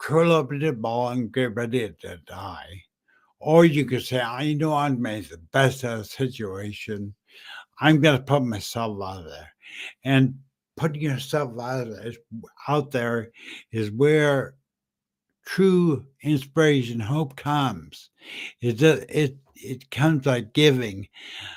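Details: Adult man with slurred speech after a stroke in September 2015 that also caused aphasia and short-term memory loss; says people think he is drunk; dysarthria.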